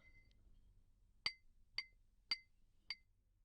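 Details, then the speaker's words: Simulated roleplay hearing test for a patient with a week of headaches and nausea and a muffled right ear since yesterday: four bright ringing taps about half a second apart, first at the left ear, then the right. "I'm going to tap this class by your ear and I'd like you to tell me if the sound is different in each ear and how"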